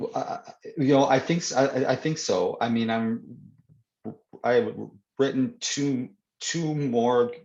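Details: Stuttering (stammering) in an adult man who reports that he stutters more when reading than in conversation.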